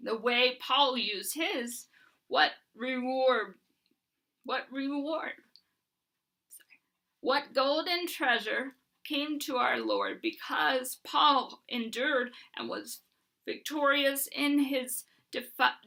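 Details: Dysarthria in an adult woman with Huntington's disease, reading aloud and repeating phrases.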